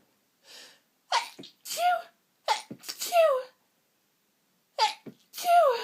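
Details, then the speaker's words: Adult overcome with sneezes, sniffly with streaming eyes and a persistent tickle: a bout of about five sneezes, each with a quick catch of breath before it, some loud and some stifled; repeated sneezing. "It's still there. Sneezing, it's just no relief. It tickles."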